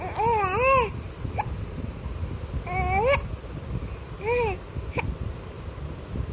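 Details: Infant babbling and cooing, broken by short sharp hiccup clicks between the vocal sounds; infant hiccups.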